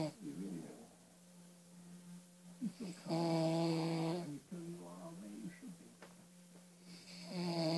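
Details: Dad snoring while asleep: loud, rough, buzzing breathing sounds over a steady low room hum.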